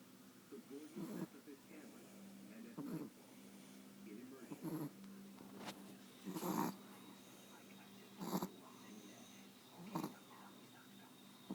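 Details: Sleepy brindle Chihuahua Wutsi snoring: irregular snorting, wheezy snores at roughly 34 a minute with whistling noisy breaths.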